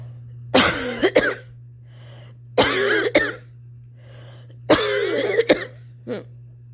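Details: Three rough, throaty coughing bouts with breaths between, over a low hum; a long-standing cough thought to be allergy-related, which the person worries may be asthma (family history of asthma), not yet reported to a doctor.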